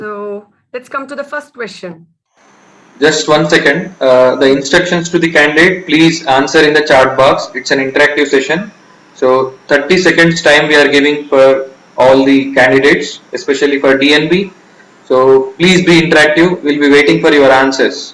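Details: Adult male speaker; normal speech.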